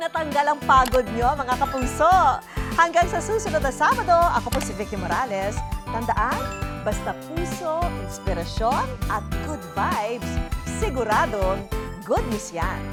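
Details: Adult woman, television host; normal speech.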